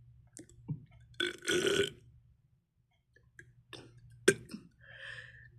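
One prominent voiced belch, then softer mouth clicks and a short trailing burp; burping.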